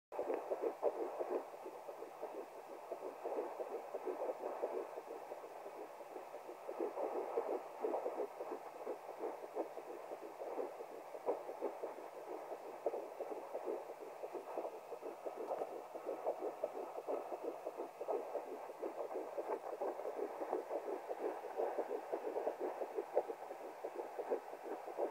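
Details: Fetal heartbeat on a fetal Doppler at 10 weeks 3 days of pregnancy (first heard at 9+6): fast, rhythmic whooshing pulses, roughly 170–180 beats a minute.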